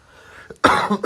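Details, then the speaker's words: Adult with a self-described very bad cough gives a single loud, harsh cough, preceded by a faint catch of breath. "yeah I did say I got a very bad cough I'll try my best to hold it in oh now I need a really big massive cough that's not good"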